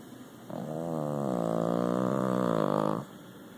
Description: Snoring Boston Terrier